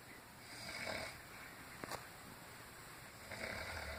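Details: Grandmother snoring loudly in sleep: two breathy, rattling snores about three seconds apart over steady room hiss; ordinary snoring.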